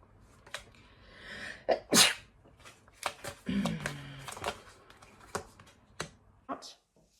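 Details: Adult sneezing while recording a tarot reading: one loud, sharp sneeze among softer breaths and mouth noises in a quiet room; an ordinary sneeze.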